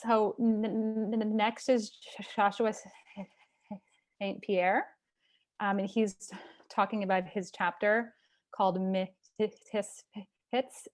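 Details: Stuttering in a person who stutters hosting a stuttering community event; part-word repetitions audible.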